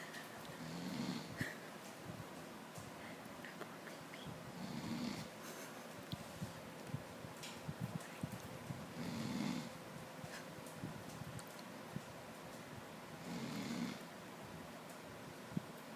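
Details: Four slow, rough, rattling snores about every 4 seconds, roughly 15 a minute, over steady room noise from a sleeping person; the snoring keeps the listener awake.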